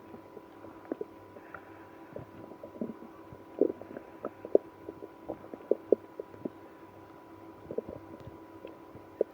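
Frequent short gurgles and squeaks over a steady background hum; active stomach growling in irritable bowel syndrome.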